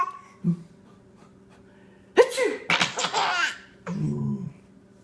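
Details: Two loud, deliberately faked sneeze-like bursts, each followed by a child's laughter; simulated, not real sneezing.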